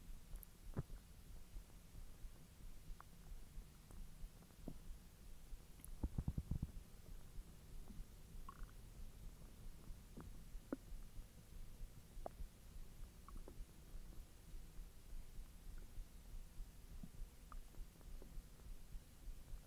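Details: Bowel sounds (borborygmi) after eating hotdogs following a 10-hour empty stomach: low gurgling rumbles with scattered short squeaks and pops; active, normal digestion.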